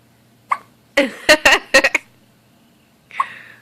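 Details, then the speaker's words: An infant girl's hiccups: short, sudden catching sounds mixed with soft vocal noises as the baby gets aggravated; ordinary infant hiccups. "gosh your hiccups are adorable you get aggravated oh don't cha"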